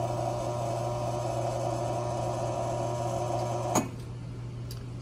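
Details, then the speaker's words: Steady motor hum of a pump inflating an arm cuff, then a sharp click and quieter hum: a vintage coin-operated blood pressure machine with the arm fully inserted, reading in the normal range. "so we're gonna put our quarter in there and get his reading there we go so it's gonna hold it"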